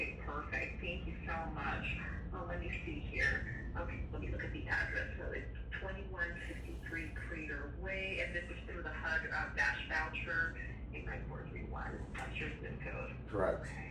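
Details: Adult woman speaking, likely over a phone call; normal speech.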